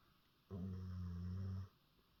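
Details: Sleeping dog snoring: a single steady, droning snore lasting just over a second in a quiet room.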